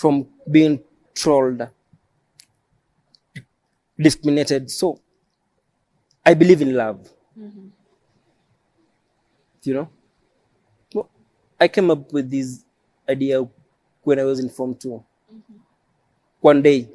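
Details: Adult male who says he has stammered since age 3 and believes it is neurological, born with it; he describes prolongations and added syllables. Finding: stuttering (stammering).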